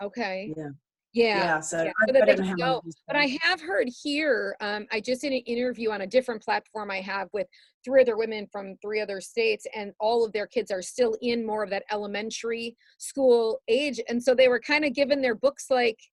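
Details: Adult woman speaking; typical speech.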